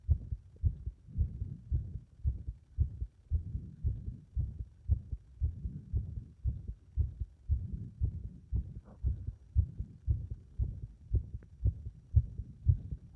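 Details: Heart under compression becoming unstable; fast heartbeat near 115 a minute with uneven spacing and varying loudness: irregular heart rhythm.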